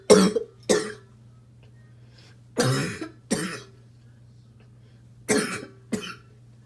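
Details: Adult smoker with a choking cough that comes on while smoking: three pairs of harsh, forceful coughs, six in all, with a rough barking quality; barking cough.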